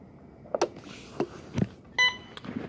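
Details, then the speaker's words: Alaris 8100 infusion pump giving a short electronic completion beep at the end of a 30 mL over 10 minute (180 mL/h) distilled-water flow test with an IDA1S analyzer, amid room clicks and handling noise. "And that's the sound that it has finished. So I'm actually gonna turn this channel off, excuse me, right here. I don't want it beeping."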